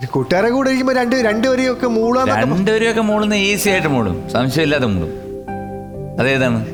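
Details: Adult speaker; no disorder (normal speech).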